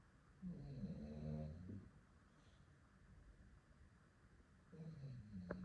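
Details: Soft, low, fluttering snores on breaths a few seconds apart in a quiet room, while sleeping in a funny posture after a few hours outside: light snoring.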